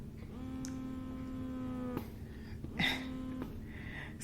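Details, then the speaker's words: Baby Buddha 2.0 electric breast pump running: a steady motor hum with a rising whir cycling about every 1.5 seconds. "okay and then the um the longer pull side so this is the two- wavy line side it does have the long pull so I'll let you hear that there's the long pull"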